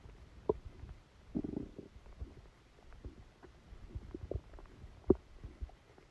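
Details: Stomachache after Christmas dinner, recorded while the person slept: soft, irregular gurgles and brief rumbles over a quiet background; active bowel sounds.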